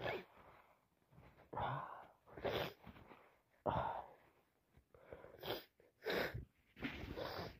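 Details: Person with a common cold: a series of sneezes, several with breathy build-ups, mixed with heavy sniffing.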